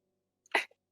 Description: I just sneezed while playing minecraft.